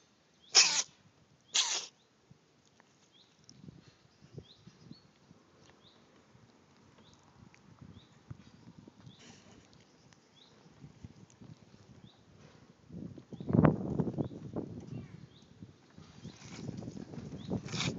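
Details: A pet cat sitting beside its owner suddenly sneezes twice, sharp and quick, followed by quiet rustling and licking. Afterwards the cat had a bloody nose and licked it clean.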